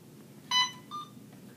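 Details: IV infusion pump keypad beeps during a nursing-student demo programming a secondary piggyback infusion: two short electronic beeps as keys are pressed, over quiet room noise.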